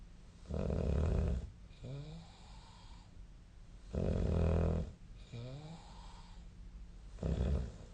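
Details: Loud, rattling snores on each breath in, each followed by a softer breath out, about 15 breaths a minute, recorded during sleep.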